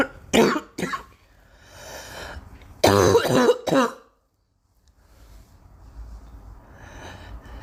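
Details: Several harsh coughs in two clusters with a voiced throat-clearing quality, then quiet room noise, from a girl; a plain cough.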